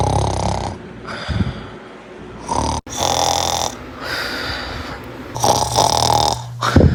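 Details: Compilation of loud snoring clips: loud snorting, rasping snores with breath noise between them over a few cycles; snoring.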